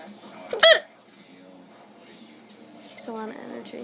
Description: ugh. I hate getting hiccups. they are soo loud an last forever